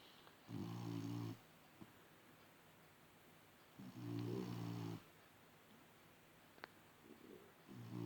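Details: Dog snoring in its sleep during a 30-second session: low, buzzing snores on each in-breath, about three seconds apart, in a quiet room.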